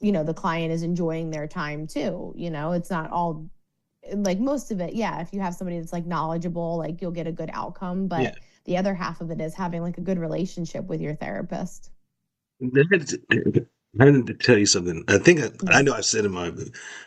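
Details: Adult speakers in conversation; plain speech.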